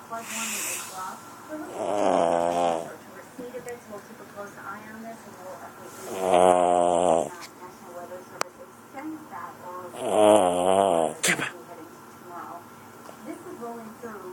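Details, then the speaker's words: Sleeping puppy snoring: three drawn-out, whiny, buzzing snores, one every four seconds or so, each on a slow breath, with faint room noise. "That's right, you were snoring again. Welcome back to the land of the living."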